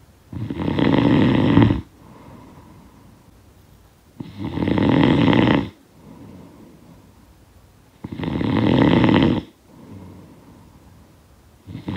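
Loud, harsh rattling snores on each breath in, quieter breath out, about 15 a minute; snoring sound effect.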